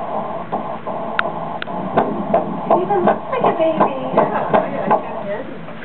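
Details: First pregnancy ultrasound, seeing the baby for the first time: fast rhythmic whooshing Doppler pulses about 160 a minute with excited voices over them; fetal heartbeat in the normal range.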